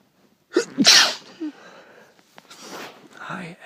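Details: Person who had just woken up, husky-voiced but not sick: two sneezes in quick succession, each a sharp explosive burst of air, followed by a breathy exhale; ordinary sneezing.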